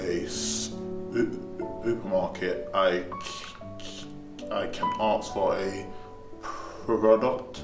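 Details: Young man who stammers, speaking after attending an intensive stammering management course; stuttering.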